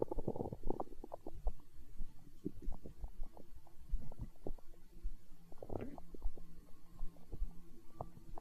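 Low gurgling and bubbling rumbles with scattered pops and a brief squeak, steady throughout: ordinary stomach growling from gas and fluid moving.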